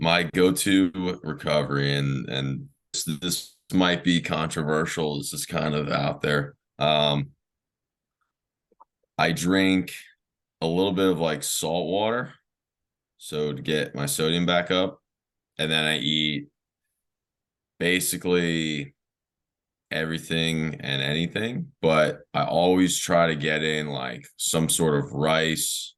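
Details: Adult man who has stuttered since he was young, with speech therapy in early years and through his teenage and early adult life; stuttering.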